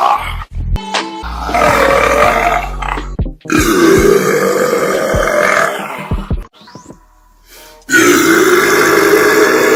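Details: A compilation of loud, rough, drawn-out burps cut together with music and abrupt edits between them: burping.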